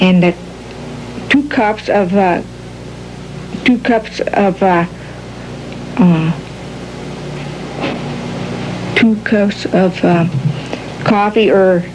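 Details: Patient with classic Broca's aphasia describing a picture, with halting, telegraphic, non-fluent speech. Broca's aphasia.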